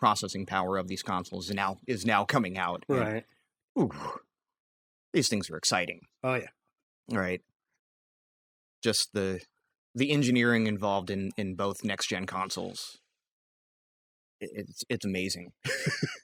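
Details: Adult male podcast co-host who says he has a recurring stammer; stuttering.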